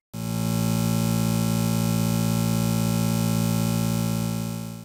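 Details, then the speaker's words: Simulated buzzing-type tinnitus: a steady low electronic buzz with a fast flutter, like a small insect flying around inside the ear. "귀 안에 뭔가 자그마한 벌레가 자꾸 날아다니는 것 같다고 하시거든요. 벌레 소리처럼도 말씀하시는데 원인을 잘 들여다보면 겸해 있는 증상 중에 귀 먹먹함이 동반되어 있는 경우가 굉장히 많으시거든요."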